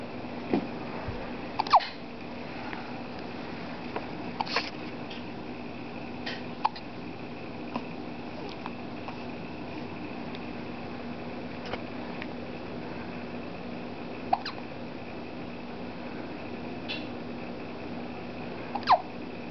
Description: Hiccups in the morning.